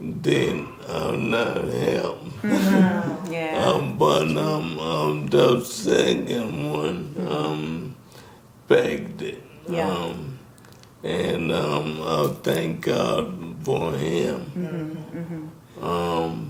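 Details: Dysarthria in a man in his 60s with ALS, diagnosed in 2020 after symptoms began in 2017; the disease first affected his speech, starting with a raspy voice.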